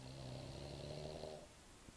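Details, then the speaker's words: Snoring during sleep, heard most nights: a low, soft, rumbling snore on one breath, fading at the end, in a quiet room. "Or you wake up, but you're not going to move? So you'll still snore in that position."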